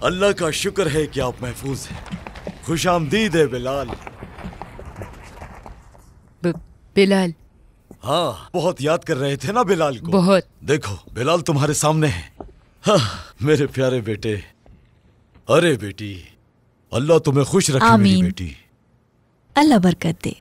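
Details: Adult male voice, acted drama scene; normal speech.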